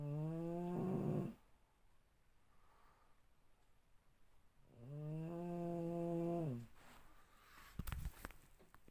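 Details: Female sleeper snoring loudly: two long, tonal, humming snores on the in-breath, separated by a few seconds of quiet breathing; snoring.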